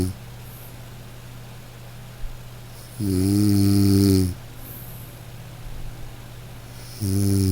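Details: Loud, rhythmic, rumbling snores on the in-breath, about one every four seconds, with a quiet steady room hum between them; snoring.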